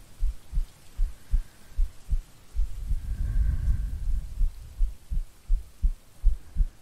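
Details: Woman's heartbeat in a sleep-aid ASMR recording with no talking: steady soft paired thumps at roughly 75–80 a minute, with rain and distant thunder behind.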